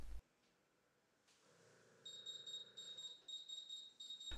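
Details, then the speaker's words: Gradian CCV ventilator pre-use check: test lung disconnected and circuit end occluded so PIP rises above the high airway pressure limit; a steady electronic alarm tone repeats, the high airway pressure alarm. "disconnect the test lung from the patient circuit and occlude the end of the circuit ensure that pip rises above the high airway pressure alarm limit and that the alarm activates"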